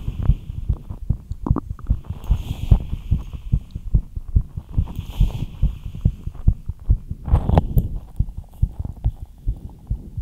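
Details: ASMR recording after light exercise: rapid, steady low heartbeat thumps with occasional rubbing noise, fast but normal: fast heartbeat after exercise.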